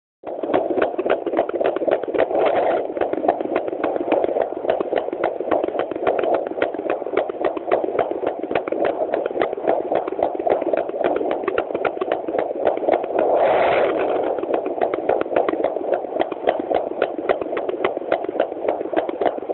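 Rapid, regular Doppler whooshing pulses about 210 per minute: normal fetal heartbeats in unborn puppies.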